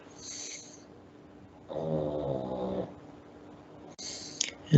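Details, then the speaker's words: Pug sleeping in the background during an online class, snoring loudly. "sorry if you can hear um the snoring in the background that is my pug he is sleeping and he snores loudly"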